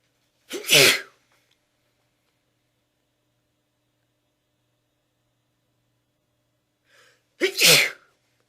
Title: Something is making me sneeze